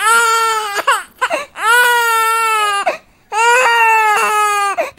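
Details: Infant crying from a ringtone app, loud and rhythmic with sustained wails separated by brief catching inhalations.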